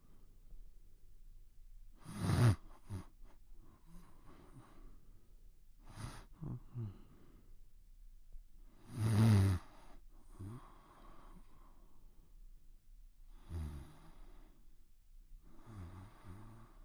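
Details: Cartoon (Pink Panther) sleeping: slow, quiet simulated snoring with soft snorting inhalations and sighing exhalations, a few breaths a minute.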